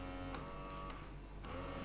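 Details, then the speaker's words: Double electric breast pump (Malish Ilaria) running at 3 a.m. for a mother months after giving birth: left side at suction level 3, right raised to highest of 9 levels; low motor hum rising and falling with each cycle. "kedengeran suara motornya itu beda gitu kan Ini gua gua pasang dua-duanya yang kiri tetap di level 3 yang kanan ini bisa di fulin gitu kan"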